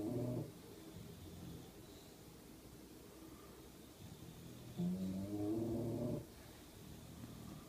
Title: Snoring Bulldog